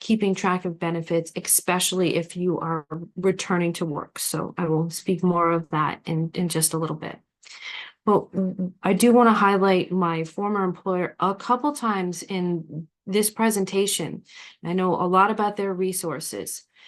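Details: Adult woman speaking; ordinary speech.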